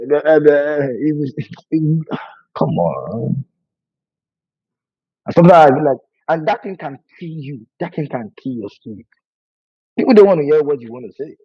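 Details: Adult man who has stammered for over 20 years, worse with nervousness and fear, with a family history (brother and sister also stammer); stuttering.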